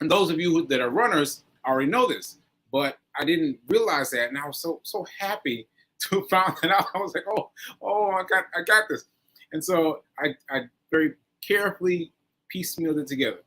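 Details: Aphasia in a man recovering from a stroke on 7/14/22, recorded nearly a year later (7/4/23); he says aphasia made working out numbers difficult.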